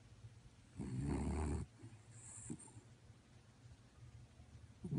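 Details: Sleeping chihuahua snoring: one loud, low, rattling snore on an in-breath, then quiet breathing with a softer snort.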